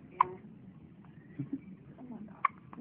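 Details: Two brief, sharp hiccups about two seconds apart in a quiet room: hiccups.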